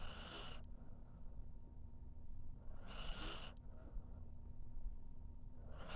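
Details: Sleeping pet dog: two hissing breath bursts with short snorting catches, about three seconds apart, over low steady room rumble; snoring.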